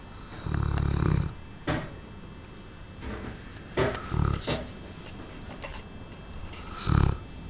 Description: Aristo is our lovely Cane Corso, He's quite large, and snores like a helicopter!